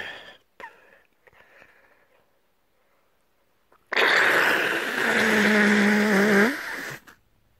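A quiet lead-in, then one loud, sustained, strained sneeze-like burst with a voiced tail lasting about three seconds, consistent with sneezing during a cold.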